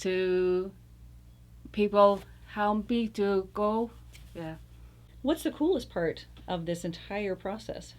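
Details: Adult interviewer, with a second speaker at the start; typical speech.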